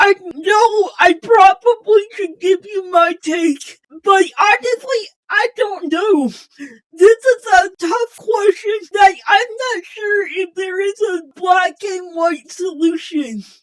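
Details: Speech impairment in an adult female channel host giving closing remarks, described as possibly hard to understand at first.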